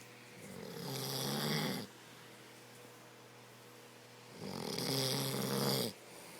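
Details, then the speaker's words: Two loud, rattling snoring breaths from a sleeping adult man (husband), each about 1.5 seconds with quiet gaps between; snoring. "can't. Jesus. Stop snoring."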